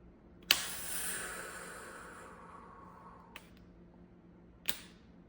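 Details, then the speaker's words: A loud sharp click as an Emgality (CGRP) monthly migraine-prevention auto-injector fires into the thigh, then two fainter clicks as the needle retracts and the self-injection completes. "So, it pushed it down and you heard the click when it brought it back up. So, it is done."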